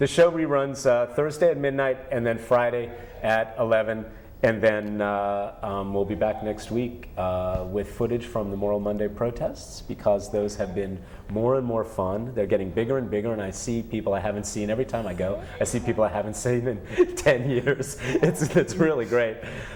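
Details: Adult male speaker; Normal speech.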